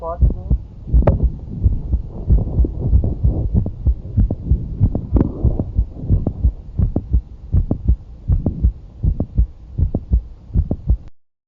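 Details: Mid-systolic click on heart auscultation during stand/squat manoeuvre: regular heartbeat near 80 a minute with a sharp extra click in mid-systole.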